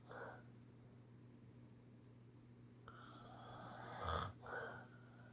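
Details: Snoring: soft, faint snoring breaths, two or three snorts in a few seconds, over a steady low room hum.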